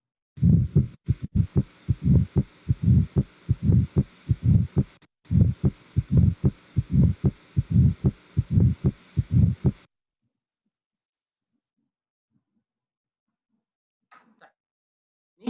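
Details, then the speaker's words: Regular heartbeat near 75 a minute with low diastolic rumbling between beats and presystolic accentuation from atrial contraction: a mitral stenosis murmur. "وزي ما احنا قلنا بيبقى فيه بريسيستوليك اكسنتويشن نتيجه الاتريال كونتراكشن اللي في اخر الدايستول وهذا الاتريال كونتراكشن اللي في اخر الدايستول بيبقى لوست في حالات الاتريال فايبريليشن. نسمع كده الميترال ستينوزيس"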